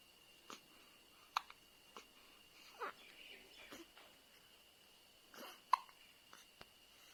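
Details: Newborn baby girl hiccuping: soft, brief hiccups, about ten in seven seconds, over faint room hiss.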